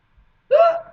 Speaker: here. I have the hiccups again.